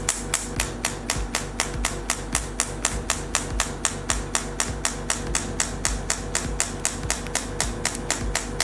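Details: Radial shockwave therapy handpiece firing sharp, regular clicks about four a second over a hum. Fixed-point treatment of a marked pain point, about 500–600 shots per point, after 2–3 minutes of relaxing the surrounding muscles.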